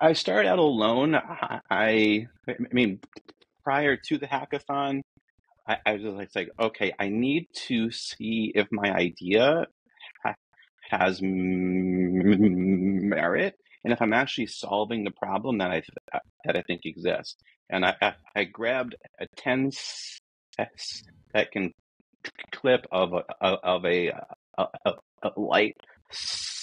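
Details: Adult man who states he is a person who stutters; the disfluencies are his natural speech, not a recording glitch; stuttering.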